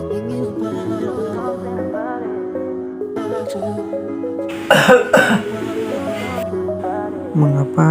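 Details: Effective cough technique demonstration: after three deep breathing cycles, a full breath in through the nose, then two strong, deliberate coughs in quick succession over steady background music.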